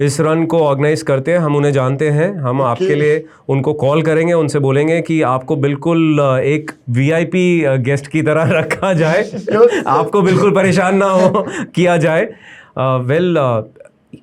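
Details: Adult man speaking Hindi; plain speech.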